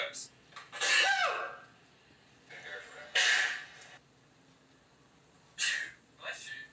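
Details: Several sharp, explosive bursts of air with brief voiced catches, about four in under seven seconds; repeated sneezes.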